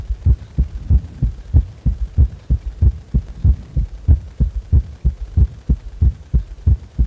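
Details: Heart sounds recorded lying supine at rest: a steady, regular heartbeat with clear paired low thumps at about 94 beats a minute; normal rhythm.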